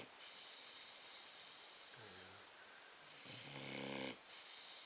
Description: Our vizsla snoring after being in for a wee op. He often snores this loudly when sleeping.